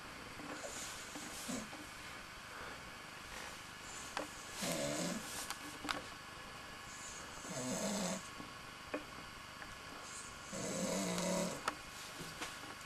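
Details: Stew, all tuckered out after a big swigging session: soft, irregular snuffling snores with airy out-breaths about every three seconds over background hiss; snoring.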